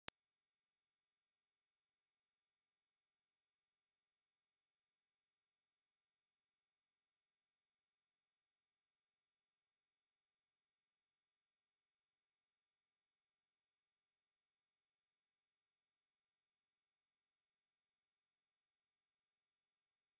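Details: Simulated tinnitus: steady 8 kHz (8000 Hz) pure sine tone, very high-pitched, continuous ringing, made as a masking or simulation sound, not a medical recording.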